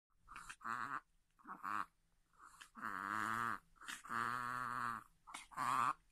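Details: Chihuahua with reverse sneezing that comes on suddenly, almost daily, several times, when excited before treats or meals or at play: rapid, repeated, strained honking "boo-boo" snorts in quick bursts, then a "keh" sound; owner suspects fluid at the back of the nose.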